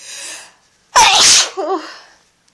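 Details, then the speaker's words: Adult coming down with a bad cold sneezing in bed: a breathy inhale, then one loud forceful sneeze, followed by a short wavering voiced sound. "anyway I thought for your enjoyment I would get some sneezes out"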